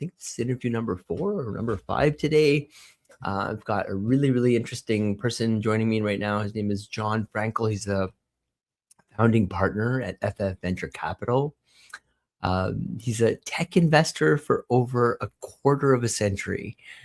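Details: Adult male speaker; normal speech.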